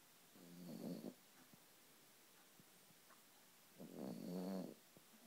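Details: Sleeper in a still room makes two rattling, fluttering snores on the in-breath with a quiet pause between; snoring.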